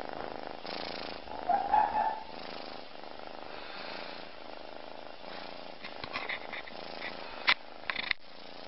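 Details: Snoring from a very tired kitten asleep with her head in the food bowl after falling asleep while eating: soft, steady, rhythmic rumbling, with a few brief clicks and bumps near the end.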